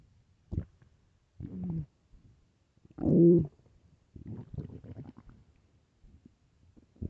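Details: Loud stomach growling from hunger: several loud, low gurgling and growling bursts with quiet gaps between them; ordinary borborygmi.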